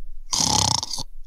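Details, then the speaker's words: Imitation of obstructive sleep apnoea (OSA): a single harsh, rattling snort of strained, obstructed breathing, the sound of a blocked upper airway during sleep. "if you have sleep apnea your breathing gets obstructed and sounds a bit like this"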